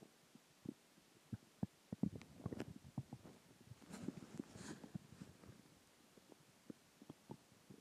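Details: Stomach growling (borborygmi) after dinner, water and gas: irregular gurgling and bubbling rumbles from the belly, swelling in the middle of the clip.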